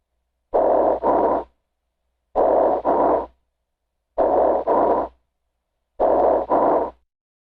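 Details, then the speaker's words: Bronchial breath sounds over lung consolidation from pneumonia, auscultated with stethoscope bell or diaphragm over a dense airless upper lobe, even without a patent bronchus: loud, hollow, tubular sounds in inspiration and expiration with a brief pause. "incluso sin un bronquio patente los ruidos respiratorios bronquiales sobre un área de consolidación del tejido pulmonar ocasionada por neumonía suenan como sigue"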